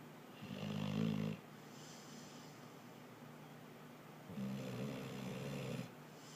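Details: Snoring: two low, buzzing snores on inhaled breaths, about one every four seconds, with quiet pauses between.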